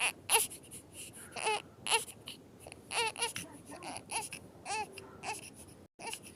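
Repeated high-pitched wailing cries with short breaths between, an infant crying; quiet room background.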